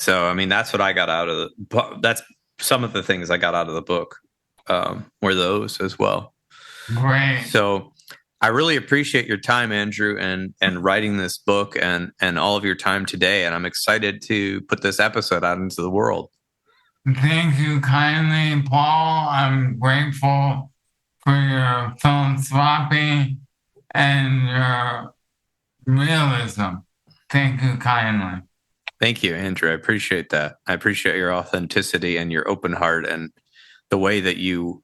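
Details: Dysarthria from ALS in an adult male, with the disease affecting his vocal cords and making it difficult for him to talk for long periods.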